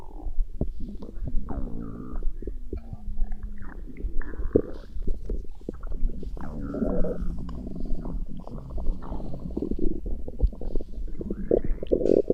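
Low gurgling and rumbling with squeaky rising tones, recurring irregularly: ordinary stomach growling from gas and fluid moving through the gut.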